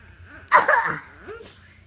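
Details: A child's cough recorded for a doctor: a single short, harsh cough burst with a brief voiced tail afterward.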